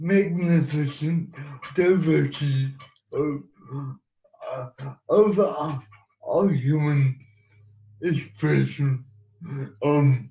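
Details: Adult man living with cerebral palsy who has used a wheelchair most of his life; dysarthric speech associated with cerebral palsy.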